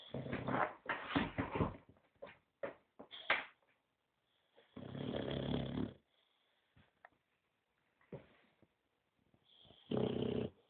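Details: 9-month-old Boxer dog asleep: loud, rough snoring with irregular snorting inhalations and pauses between breaths.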